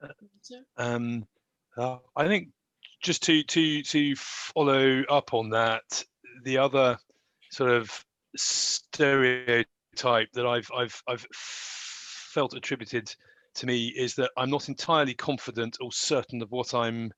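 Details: Adult graduate who stammers and tried to hide the stammer in job interviews; real, unscripted speech; stammering.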